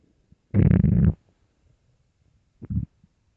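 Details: Hungry, empty-stomach growling (borborygmi): two low, gurgling rumbles, one long and one brief, in a quiet room.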